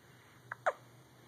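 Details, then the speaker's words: Newborn at 5 a.m., alert and vocalizing, two brief sharp hiccup sounds close together in a quiet room: infant hiccups. "this is he has the hiccups and he's been alert and talking a little bit what's up"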